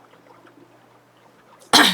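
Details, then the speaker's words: Middle-aged woman's dry cough: a single sudden, harsh, dry cough burst with no wet or rattling quality after a quiet stretch, amid days of persistent dry coughing now improving. "그래서 제가 유튜브를 올려야 되나 했는데 자꾸 이런 소리 내야 되고 기침해야 되고 이러니까 너무 심해가지고 못 올렸는데, 오늘은 좀 덜하다고 생각했는데도 그저 하게 되네요."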